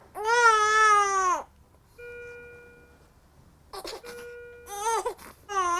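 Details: Young infant crying in loud, sustained wails broken by pauses, with soft musical notes between cries, in a discussion of an infant's unexplained crying.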